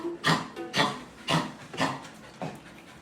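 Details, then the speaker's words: Dog coughing nonstop, as if something is stuck: five short, harsh hacks about two per second, fading; owner says the cough is not normal and worsens when excited or running; dog coughing fit. "Di normal yung ubo niya. Ayan oh. Parang di siya tumitigil."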